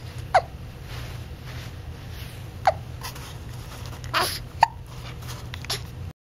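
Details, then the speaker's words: Infant about 2–3 weeks old, who gets hiccups often: repeated short, abrupt hiccups, about four in six seconds, over a steady low room hum; infant hiccups. "Do you have the hiccups? Sorry, bud. You get the hiccups a lot, huh?"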